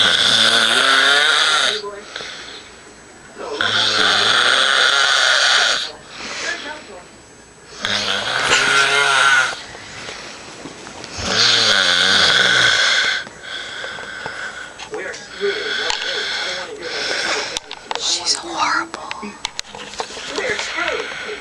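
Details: Person recorded snoring while asleep: loud, rough snores about every four seconds, with quieter breathing between; ordinary snoring.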